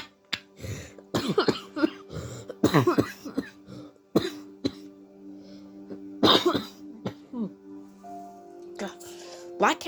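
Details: A person laughs hard while reacting to a video, and the laughter breaks into several short, sharp coughs, with a steady background tone and music playing: cough.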